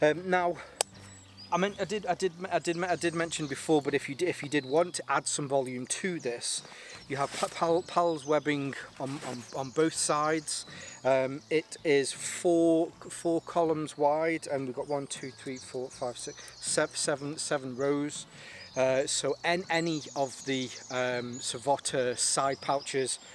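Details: Stuttering in an adult whose stammer is linked to his anxiety and still present a little; he says it was much worse on the first day of filming.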